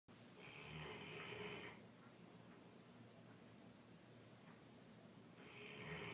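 Two long, loud rattling snores with a quieter breathing stretch between them: ordinary snoring in a sleeping large dog.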